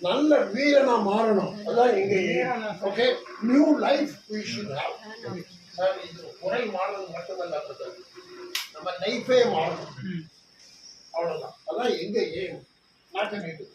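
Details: Puberphonia case under treatment, repeating a single word; puberphonia.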